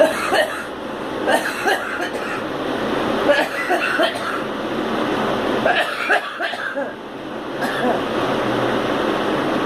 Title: Girl coughing